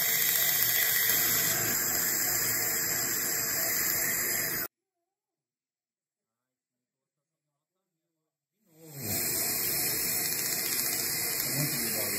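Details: LiteTouch Er:YAG erbium laser removing caries from a child's deciduous teeth without anesthesia: steady fast crackling hiss with a silent pause before it resumes; Er:YAG dental laser.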